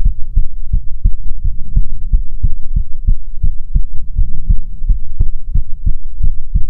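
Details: ASMR heartbeat recording: steady, regular low heartbeat thumps at about 85 beats a minute; a normal heartbeat.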